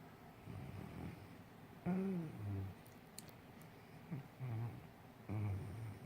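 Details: English Mastiff dreaming in sleep: deep, rumbling loud snores repeating every second or two with brief quiet gaps; snoring.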